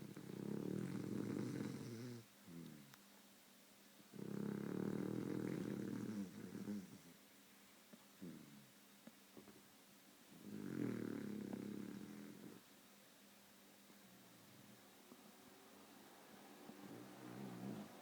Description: My beagle snores and twitches in her sleep....sooooo cute